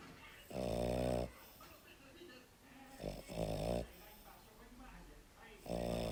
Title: Il mio cane russa-my dog snores